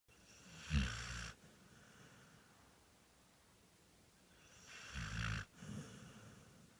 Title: Snore master